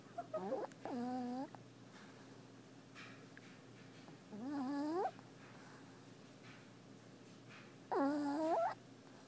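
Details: Sleeping puppy: three drawn-out whistling, groaning snores, each about half a second, spaced several seconds apart, over a steady low room hum; snoring.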